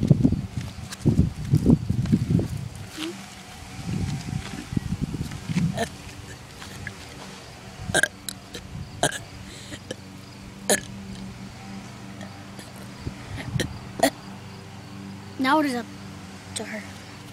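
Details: Two people at a burping contest: long, low, rumbling belches in bursts, with short spoken exchanges and a few clicks between them.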